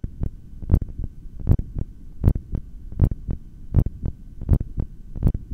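Regular, steady heartbeat through a stethoscope at about 80 beats a minute during a held breath, with a faint hum in the background.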